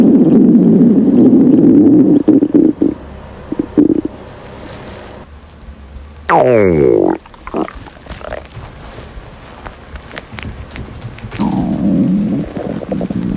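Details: Hungry girl's stomach growling, from a compilation: low, gurgling, rumbling noises in bursts with a brief rising squeal, ordinary hunger borborygmi.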